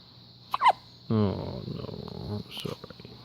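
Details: Hiccup: a sharp, brief gulping hiccup, then a short voiced sound and quiet room noise.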